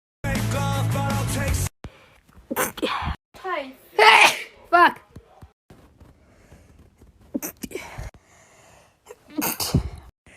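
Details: A burst of music, then several abrupt sneezes from different people (compilation of girls' sneezes) with brief speech between them; hay fever season mentioned; ordinary sneezes.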